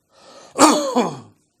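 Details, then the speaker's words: Imitated upper-airway cough from a pharyngeal or laryngeal irritant, as in laryngitis, pharyngitis or tracheitis, demonstrated by a doctor: a soft deep breath in, then one loud, voiced single cough that trails off. "if the irritant focuses in the pharynx or is in the larynx which is the upper portion of the respiratory tract the cough is very classical the patient takes a deep breath and gives one single big boom of cough"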